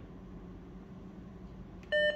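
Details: Philips HeartStart FRx automated external defibrillator running its self-test after battery insertion ("testing, ready for use"): quiet room hum, then a short bright electronic beep, a normal device self-test tone.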